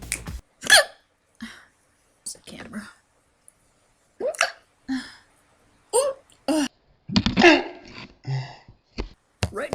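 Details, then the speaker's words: Person with hiccups before trying remedies: repeated short, abrupt voiced catches in the throat, about eight in ten seconds, with a quiet voice between them; hiccups. "I have the hiccups and I figured right now would be a great time to do an experiment what really gets rid of hiccups"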